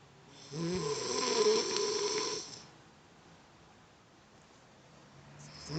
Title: Ngorok lucu